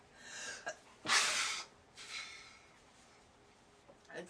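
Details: Repeated sneezing in bed, at least the fourth sneeze in the attack: a sharp in-breath followed by an explosive sneeze, then softer breathy after-sounds.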